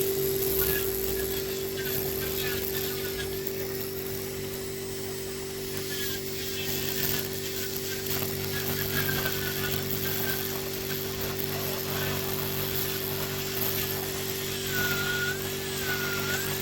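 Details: Continuous high whine of a small rotary nail drill over a steady motor hum, pitch dipping as it presses on a man's very involuted ingrown toenail with a receded nail bed during podiatry clean-up: podiatry nail drill.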